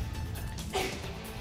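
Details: Single short, sharp adult woman's sneeze in a studio over quiet background music, during allergy and pollen season.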